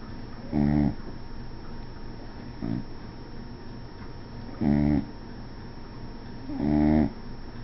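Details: Rhythmic, rattling, buzzy snores at regular intervals, about one every two seconds, over a low hum: snoring during sleep.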